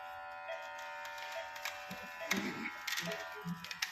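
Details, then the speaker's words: Steady buzzing whine of a patient monitor pump inflating the NIBP cuff during calibration against a Fluke ProSim vital signs simulator set to 120/80, which read 129/87, within ±10 mmHg; speech and faint music behind; blood pressure cuff inflation. "यहां से एनआईवीपी start करेंगे। ये ऊपर button है एनआईवीपी का। Start किया।"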